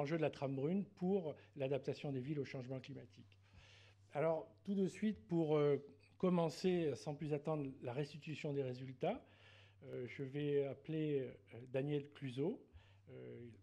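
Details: Adult male speaker; normal voice.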